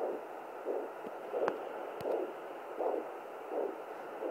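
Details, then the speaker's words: Pregnant woman using a pocket fetal Doppler at home: soft, regular whooshing pulses over static at about 80 a minute, her own slow heart rate rather than the fast fetal heartbeat; maternal pulse. "Okay, actually this first sound that we picked up is my heart rate. It's definitely not 120, it'll keep dropping. But you can tell what that sounds like. It's really, really slow."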